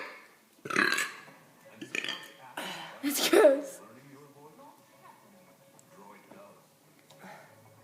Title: My bro burping again